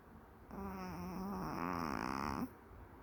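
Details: Maltese dog snoring during a daytime nap: a rough, fluttering, tonal snore on one breath.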